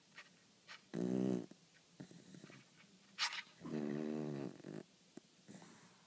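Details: Two loud, rough, buzzing breaths about three seconds apart, with quieter snuffles and clicks between them: a dog snoring.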